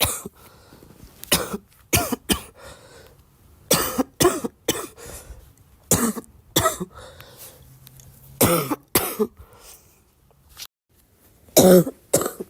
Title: Girl coughing 296